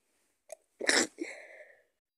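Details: Sneeze in a person with a cold: a quick catch of breath, then one forceful explosive sneeze trailing into a gasp.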